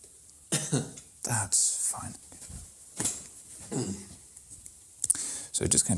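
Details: Voluntary cough on request from a patient lying with head turned aside while the examiner presses over the front of the pelvis, during a clinical-skills abdominal examination.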